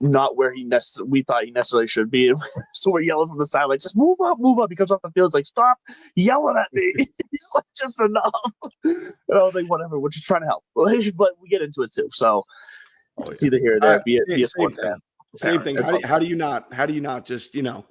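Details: Adult man speaking; normal conversational speech.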